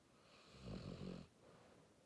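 One soft, low, fluttering snore lasting under a second against quiet room noise; light snoring in a sleeping dog.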